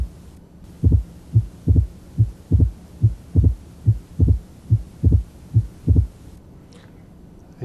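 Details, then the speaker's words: Heart sound simulator: heartbeat about 70 a minute, second sound followed 75 milliseconds later by a simulated opening snap. "this is 75 milliseconds between the second sound and the simulated opening snap"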